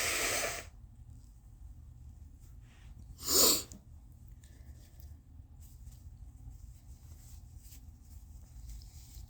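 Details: Nose-blowing with an involuntary single short explosive cough: a hissing nasal blow, then one cough, with quiet room noise between.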